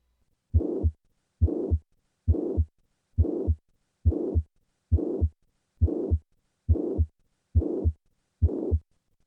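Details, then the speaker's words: Simulated heart sounds at about 69 beats a minute with a blowing murmur filling systole, played first in the standing position; the mitral regurgitation murmur increases with squatting because afterload rises; mitral regurgitation murmur. "with the increase in afterload brought on by squatting the murmur of miter regurgitation increases listen to the change in a mitral regurgitation murmur with squatting I will begin with the standing position"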